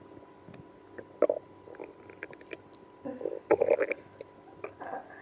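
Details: Stomach growling in a person with irritable bowel syndrome after drinking milk and prune juice. Irregular, active bursts of gurgling and squeaky rumbling from the belly: active bowel sounds.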